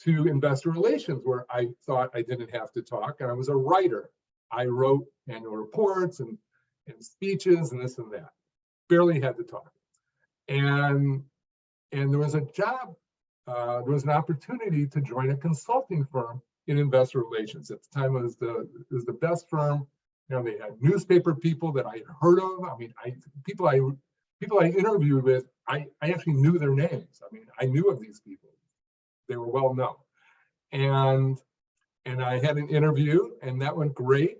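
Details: Adult man who stutters, formerly severe (could not read aloud even alone), later much improved through work and practice but still stuttering; stuttering.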